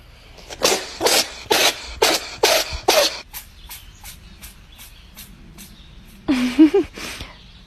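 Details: Pet, apparently a cat, sneezing: a run of about a dozen short, sharp sneezes, the first few louder, then a brief meow.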